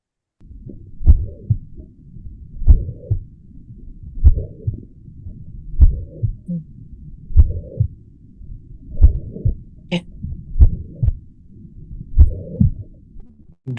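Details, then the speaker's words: 19-year-old immigrant man with dry cough and bilateral knee swelling, suspected rheumatic heart disease, auscultated at the apex: slow regular heartbeats with a steady low blowing murmur filling systole, holosystolic murmur of mitral regurgitation. "So, we will focus on either the sound is of mitenosis or mital reg."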